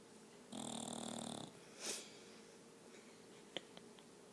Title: Boss The Snoring Bulldog